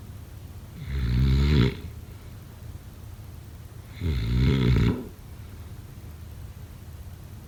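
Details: Snoring during sleep, sound-effect/ASMR recording: two long, low, rattling snores about three seconds apart, with quiet breathing between.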